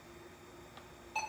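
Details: Quiet room, then a short electronic beep as the center blue control knob is pressed during setup of a Vapotherm high-flow oxygen machine; device control beep.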